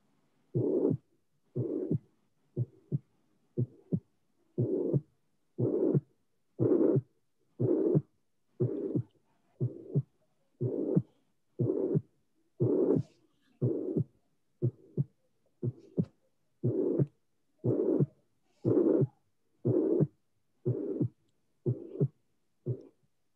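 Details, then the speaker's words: Regular beats near 60 a minute with a systolic blowing murmur that appears and disappears in cyclic variation: tricuspid regurgitation murmur with respiratory variation. "Is a murmur, obviously, but it appear and disappear. There is a cyclic variation of this murmur."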